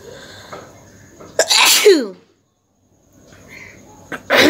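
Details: Two forceful sneezes separated by a pause, with soft nasal noise, over faint background music. Sneezing.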